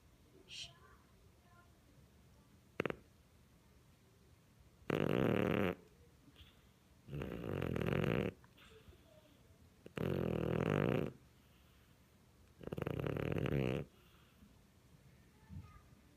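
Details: Siamese cat curled up asleep, snoring very loudly, no added sound effects: rhythmic rasping snores about every 2.5 seconds, four clear bursts, in a quiet room.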